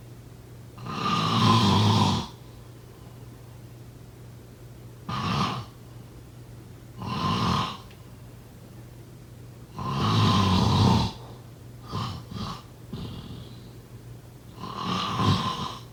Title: Snoring sound…